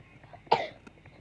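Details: Young boy settling down to sleep gives a single short, sharp cough in a quiet room.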